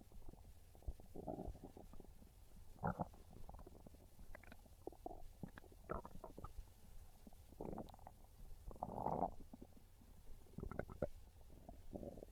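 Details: Low gurgling rumbles and bubbling squelches in irregular bursts; ordinary hunger stomach growling (borborygmi), described as craving pizza.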